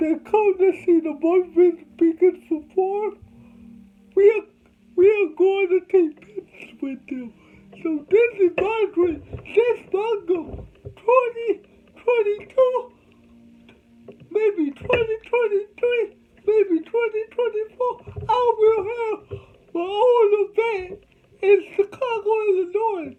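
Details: Adult man with cerebral palsy, told he would never talk, with soft background music: dysarthria (cerebral palsy).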